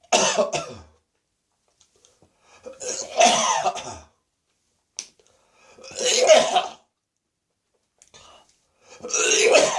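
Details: Lingering dry cough first thing in the morning after bronchitis: repeated harsh, dry coughing bouts with throat clearing and gagging strain, about four bouts in ten seconds.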